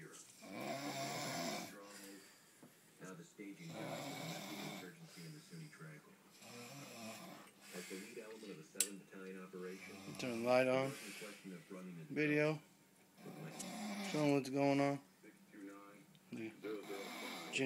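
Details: Adult woman (wife) snoring in sleep: loud, rough snoring on each breath in with some moaning sounds, quiet room; a dog nearby is upset by the snoring.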